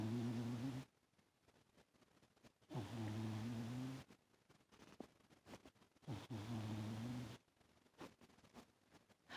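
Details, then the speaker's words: Toaster, a cat sleeping on the owner's lap, snoring loudly with rumbling snores on each breath in, about three over nine seconds with quiet pauses between; snoring. "He's sleeping on my lap, rolling like that and snoring. Can you hear Lee snoring?"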